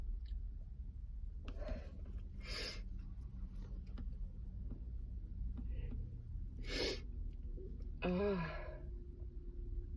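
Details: Car sneezes during lunch break, day 2: a few short, soft, breathy bursts like stifled sneezes, then a brief voiced sound, over steady low car rumble; sneezing.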